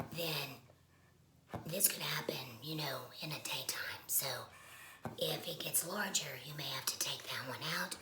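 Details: Woman speaking after laryngectomy; esophageal speech is mentioned but her voicing method is not stated; alaryngeal speech after laryngectomy.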